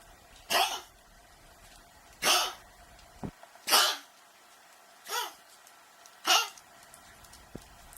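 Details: A dog gives five short, harsh coughs in about eight seconds, separated by quiet pauses; cough.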